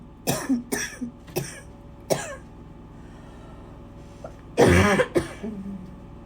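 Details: Lots of coughing: a burst of four short coughs, a pause, then two harsher coughs with a throat clear; repeated coughing.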